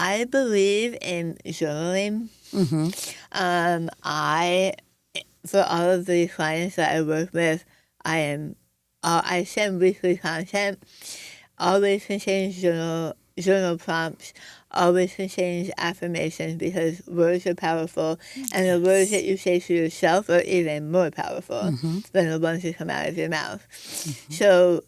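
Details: Adult woman after stage 4 tongue cancer, over half of tongue removed and reconstructed with arm-skin flap, plus chemoradiation and speech therapy; altered articulation after partial glossectomy.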